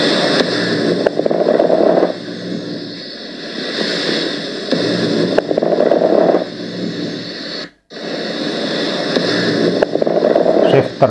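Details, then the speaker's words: Chest auscultation through a stethoscope: fine, high-pitched crackling pops at the end of each inspiration, described as seen in pneumonia or pulmonary fibrosis; fine crackles. "دي نقول عليها فاين كرتشن"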